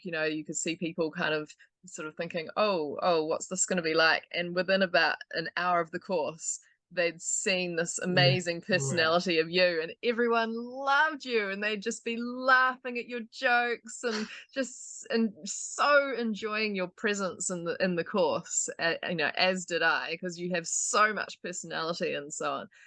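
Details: Adult woman speaking; normal speech.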